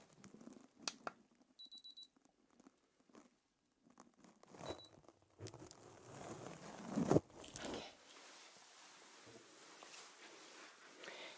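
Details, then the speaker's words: Short high electronic beeps from a digital thermometer taking the temperature in a simulated ASMR ear exam, followed by rustling. The reading is a normal 36.9 °C. "I'm just going to pop in the thermometer. Just hear some beeps."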